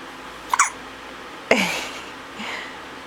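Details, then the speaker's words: Baby boy who often gets hiccups when he eats and had hiccups daily in the womb gives two sharp, abrupt gulps about a second apart, smiling between them; infant hiccups. "he likes to smile in between them he had the hiccups everyday in my belly so he has them almost every time he eats"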